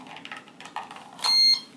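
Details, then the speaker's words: CADD Prizm infusion pump during battery change: soft handling clicks then a single short high-pitched beep, with the battery inserted the wrong way. "you know the unit the battery is connected the right way when you hear it people so that's the wrong way"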